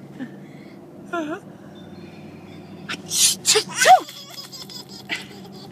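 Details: A run of two or three sharp, hissing sneezes, possibly deliberate (someone urges doing it really loud), amid quiet room noise with high squealing laughter nearby; sneezing.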